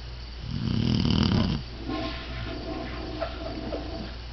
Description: My English Setter snoring